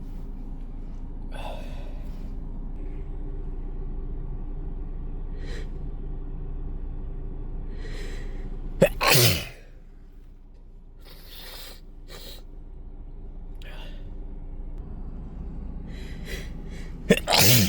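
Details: Two forceful, wet sneezes in a car after a workday with the nose irritated by dust and perfume, with breaths and sniffs between, over a steady cabin hum; sneezing.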